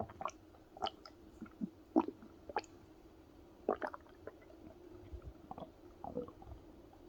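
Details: Adult male's belly recorded close up: soft, irregular gurgles and squelching bubbles over a quiet background, stomach growling, ordinary digestive bowel sounds that occur on their own as well as when pressed.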